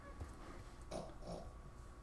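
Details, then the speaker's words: A dog snoring during a live stream, loud enough that the owner tells it to stop snoring. "So I saw, man, that dog is really snoring today."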